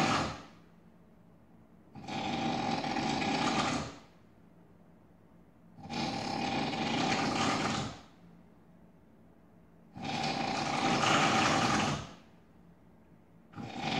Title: Drill, Jackhammer, Chainsaw, or just the sound of snoring?